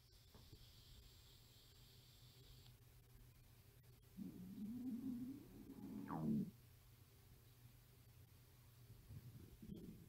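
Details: Hungry 13-year-old girl at a sleepover: quiet room hiss, then a low gurgling rumble of about two seconds rising to a brief squeaky gurgle, faint rumble near the end; stomach growling (borborygmi).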